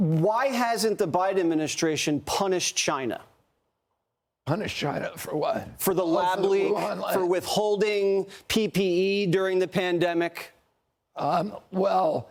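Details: Adult male speaker; normal speech.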